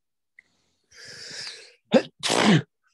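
A single muffled sneeze from across a lecture room, then a nearby speaker says "bless you"; an ordinary sneeze.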